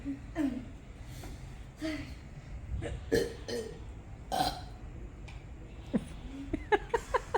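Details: Children in a burp competition: several loud voiced belches in a row, with a little talk and room noise around them; burping.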